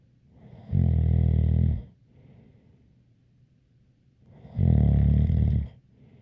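Two loud, deep rattling snores about four seconds apart, each with a faint whistle; snoring.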